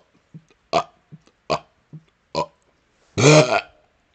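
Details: Burping outdoors on a 2nd-floor porch during a cold snowstorm: several short throaty burps in a quiet setting, ending in one long loud belch.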